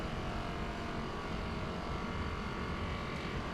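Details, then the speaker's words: Handheld Hypervolt percussion massage device running over the foot and other tight areas, a steady low motor buzz without distinct separate pulses; meant to be painless, moving elsewhere if painful. "h hypervolt over foot and other tight areas not painful at all again if it is painful you want to move to somewhere else and work on it"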